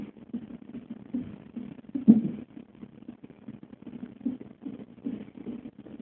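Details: Fetal heartbeat at 34 weeks on a non-stress test monitor, about 145 bpm: rapid, steady, muffled whooshing pulses, with one louder thump partway through from fetal hiccups.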